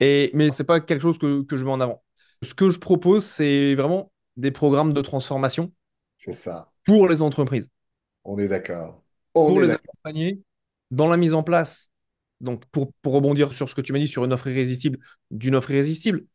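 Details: Adult man with a stutter that may be audible as he speaks, despite giving conferences to hundreds of people; stuttering.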